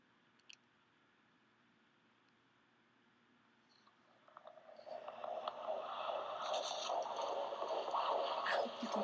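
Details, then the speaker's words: Doppler at the first prenatal appointment at 12 weeks of a high-risk second pregnancy (mother over 35, after gastric sleeve surgery): fast whooshing pulses at about 150 a minute after a quiet start; normal-range fetal heartbeat. "did you hear it so the baby is alive and kicking"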